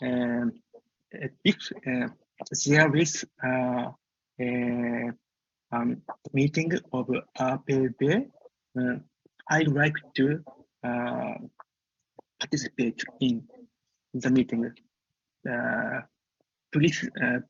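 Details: Stuttering in an adult French man who stammers, speaking English as a non-native language.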